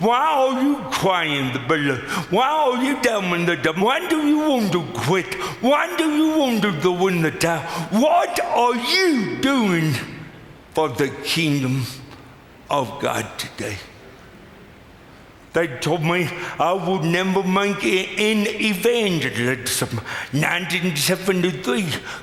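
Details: Adult man with cerebral palsy, recorded preaching a chapel message; dysarthric speech in cerebral palsy.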